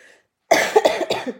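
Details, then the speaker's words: Adult woman in the evening, losing her voice, coughing brought on by laughing: after a brief silence, a short run of about three quick coughs. "pas trop rire sinon ça me fait tousser ça va pas ça va pas du tout"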